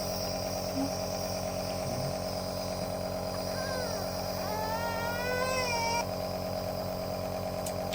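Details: Continuous buzzing, rattling motor drone of a nebulizer compressor running while a baby receives treatment through a baby mask, with a brief voice and tones in the background.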